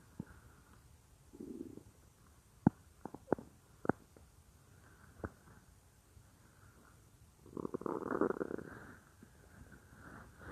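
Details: A woman's own stomach recorded while she works at a computer, heard as if lying on her belly: soft low gurgles and a longer rumbling growl. Ordinary stomach growling (borborygmi).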